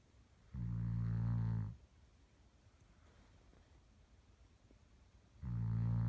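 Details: Snoring of a sleeper named Samson.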